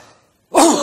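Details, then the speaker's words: Doctor imitating a cough from upper airway irritation (pharynx or larynx): deep breath then one loud, explosive single cough, classic of laryngitis, pharyngitis or tracheitis. "if the irritant focuses in the pharynx or in the larynx which is the upper portion of the respiratory tract the COFF is very classically the patient takes a deep breath and gives one single big boom of cough"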